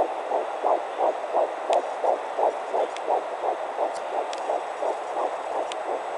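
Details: Fetal heartbeat at 10 weeks 3 days of pregnancy on a fetal Doppler, averaging 159 bpm: rapid, regular whooshing pulses over steady static hiss.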